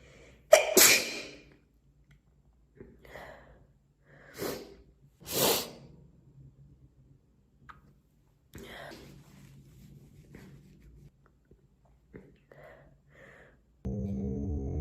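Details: Woman with an itchy nose: three forceful sneezes in quick succession, then quieter breathing and sniffing; an ordinary repeated sneezing loop.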